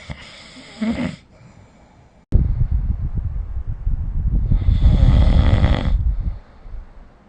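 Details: Snoring during sleep, recorded with the SnoreLab smartphone app: a brief breath noise, then one long, loud, low rattling snore lasting several seconds.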